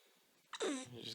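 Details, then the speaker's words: Violent hiccups in a baby girl who woke up cranky, each hiccup an unpleasant surprise: an abrupt hiccup-like catch followed at once by a brief whimpering, falling cry. "going to work hiccup uhoh oh we have hiccups now you don't like hiccups yeah the hiccups surprise you though to it's pretty rough"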